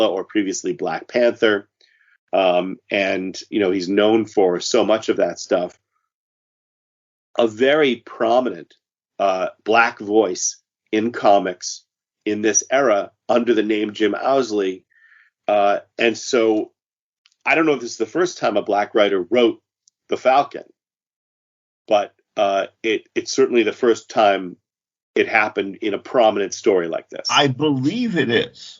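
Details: Adult male speaker; Normal conversational speech.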